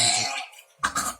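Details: Two short, harsh cough bursts close together from a woman in Lampung with a continuous cough and lower back pain, reportedly improving.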